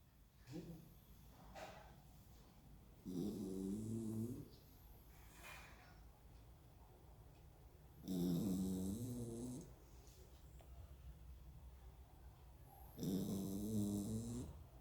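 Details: Sleeping dog snoring loudly, lying on its back, with rattling, rumbling breaths recurring about every five seconds.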